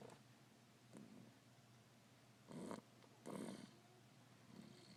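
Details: Snoring: soft, faint snoring with a few brief, louder rattling breaths against quiet room noise.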